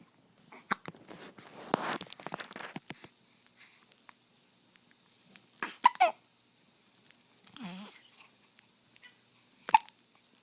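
Several short, sharp sudden vocal jerks with quiet gaps between them, in a small room; hiccups.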